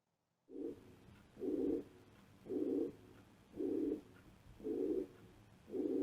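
Regular harsh whooshing bursts, about 55 a minute, filling each systole so the heart sounds blur together.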